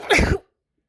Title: Wide Nose Sneezes Africa.